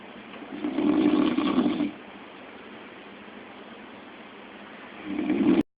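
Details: Phone recording of snoring: two loud rumbling snores, one on the in-breath near the start and one at the end, separated by quiet breathing; ordinary snoring.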